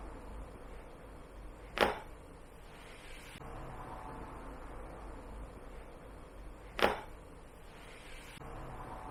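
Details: Chiropractic cervical spine adjustment for stiff shoulders: two sharp, brief cracks a few seconds apart over quiet room noise; joint popping from neck cavitation.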